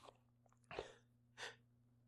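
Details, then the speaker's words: Two quick, small, stifled sneezes about half a second apart, with a faint room hum behind; a man's sneezes, with a tickle in the nose. "yeah it really tickles today it really sneeze I'm"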